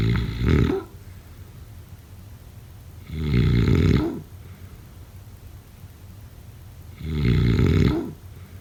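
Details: Snoring.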